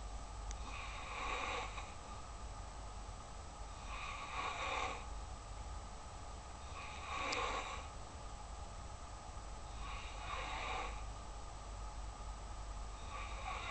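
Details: Light snoring: noisy, rasping sleep breaths about every three seconds, roughly 20 a minute, over a steady hum.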